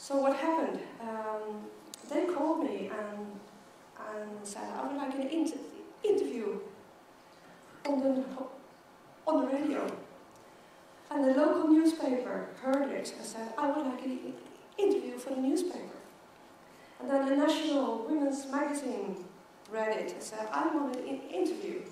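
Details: Adult woman who stutters and counts herself part of the stuttering community, speaking as keynote at a world congress for people who stutter. The finding is real stuttering.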